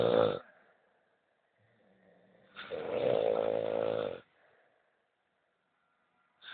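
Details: Snoring during sleep.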